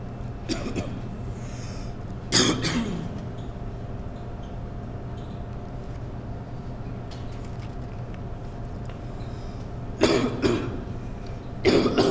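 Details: Simulated cough performed by an actor in a 2011 art film about a cougher: a few short, harsh cough bursts separated by long pauses over a steady low room hum.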